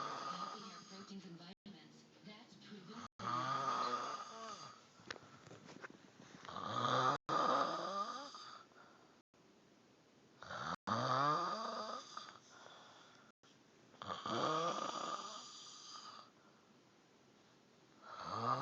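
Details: Loud, rattling snores with each breath in, about 17 a minute, with quiet pauses between; ordinary snoring in a small room.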